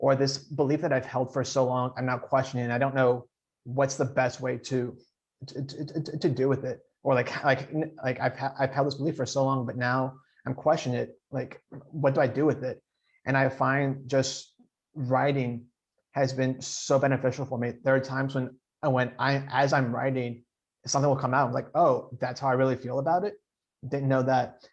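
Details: 28-year-old man who stutters and has attended stuttering support group meetings, with part-word and whole-word repetitions; stuttering.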